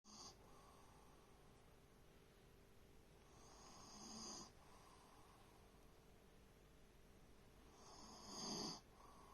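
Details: Adopted shelter animal snoring: two soft, breathy snoring sounds about four seconds apart on the in-breath, with a quiet room between them.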